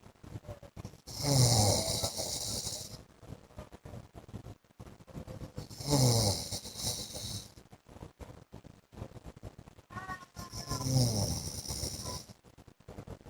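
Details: Adult man (husband) snoring during sleep: loud, rattling snores at about 13 breaths a minute over a steady room hum.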